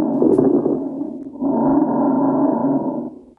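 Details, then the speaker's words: Two breath phases with fine crackles over a muffled breath sound: rales from fluid in the alveoli, as in early pneumonia or heart failure. "Rales. Think about fluid in the alveoli. That's like pneumonia, early onset. That is heart failure."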